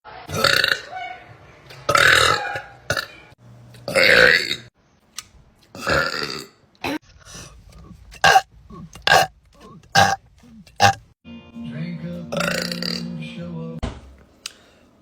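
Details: A string of loud, drawn-out belches with short gaps between them, done for comedy, with brief speech and faint music in the background; repeated burping.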